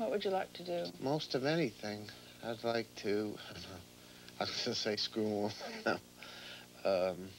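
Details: 35-year-old man with severe schizophrenia, ill for 17 years, with extreme thought disorder, saying grace at dinner in real 1990 documentary footage: disorganized speech (schizophrenic thought disorder).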